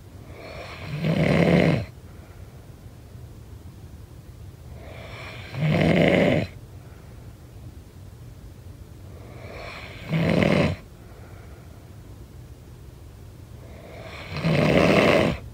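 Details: Four loud, rough snores during sleep at about 13 breaths a minute, with quiet pauses between; snoring.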